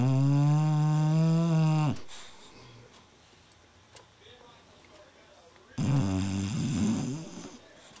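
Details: Female sleeping and dreaming: a long, deep, rumbling snore, a quiet pause with faint room noise, then a rougher, rattling snore; snoring.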